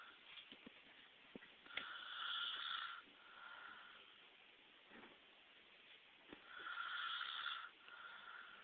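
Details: Soft, whistling, nasal snores on each breath, roughly every four to five seconds, with light clicks and room noise; a man snoring.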